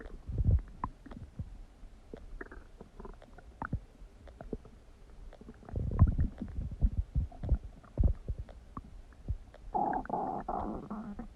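Low gurgles, pops and rumbling from the belly, with a longer bubbling gurgle near the end; ordinary bowel sounds.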